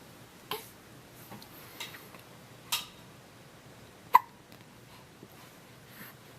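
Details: Infant girl hiccuping: soft, brief hiccup sounds, several over a few seconds, one sharper than the rest; ordinary baby hiccups.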